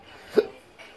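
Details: Adult with persistent intractable hiccups since surgery, every 3 seconds, with breathing and choking spasms, cause undiagnosed: a single sharp, abrupt hiccup with a brief throaty catch in a quiet room.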